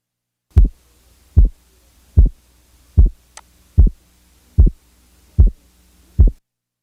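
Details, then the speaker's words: Simulated physiologic split second heart sound, best heard at left base with the diaphragm chest piece; splitting interval 50 milliseconds. Heartbeat about 75 a minute with a closely split S2. "the physiologic Split Second is heard best at base left with the diaphragm chest piece the following example represents a second sound splitting interval of 25 milliseconds"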